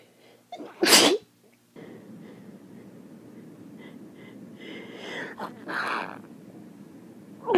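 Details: One loud, wet sneeze, snuffly breathing, then a softer second burst: morning allergic sneezing blamed on end-of-summer pollen; allergy pills mentioned.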